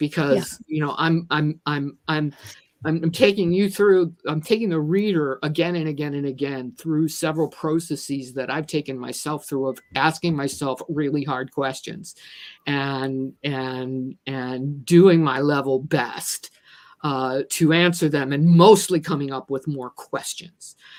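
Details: Adult woman who says she stutters and is a person with a disability, with repeated words; stuttering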